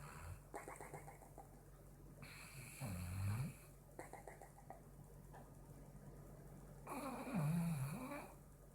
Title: Pitbull snore